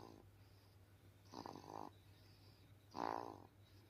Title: Newborn baby snoring #shorts #viral #newborn #cutebaby